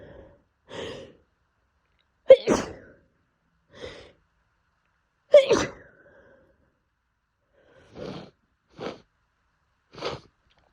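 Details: Person in the south with pollen allergy, sneezing daily for a month despite medication and staying inside: a rapid fit of about eight sneezes, some preceded by a quick gasp; repeated sneezing (allergic rhinitis).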